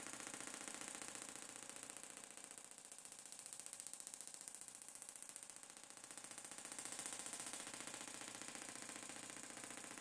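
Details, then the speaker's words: Quiet, steady rapid clicking, about three per second, with faint room noise, from a Gymna Shockmaster 300 shockwave device (2 bar, 15 Hz, 20 mm head, ultrasound gel) moving over the plantar fascia for plantar fasciitis, up to 2000 shocks. "we'll keep going here until we hit the 2000 shocks and that's treatment of the planter fascia with the head moving"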